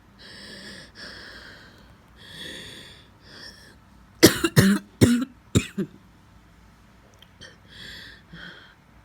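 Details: An adult, coughing for five days, breathes audibly, then gives a run of about five sharp coughs in quick succession.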